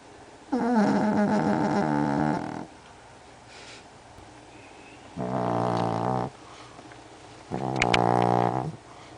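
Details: An adopted former rescue dog from a Pomeranian rescue sleeps and gives three drawn-out, buzzy, groaning breaths with quiet gaps between them; dog snoring.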